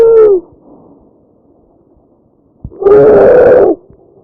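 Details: Tracheal stridor: a harsh breath sound from a narrowed upper airway, heard over the windpipe in a real patient.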